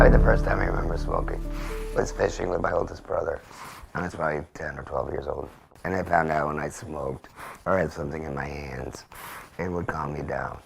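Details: Adult man after total laryngectomy with vocal cords removed for laryngeal cancer, formerly an electrolarynx user, now speaking via a finger-occluded tracheoesophageal puncture; tracheoesophageal speech.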